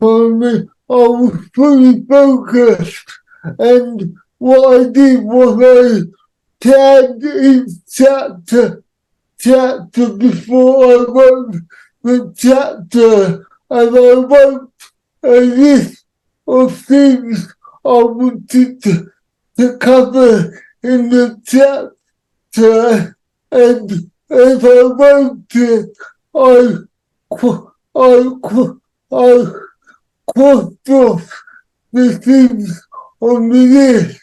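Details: Adult man with cerebral palsy who says he cannot say some words, speech largely unintelligible to automatic transcription; dysarthria (cerebral palsy).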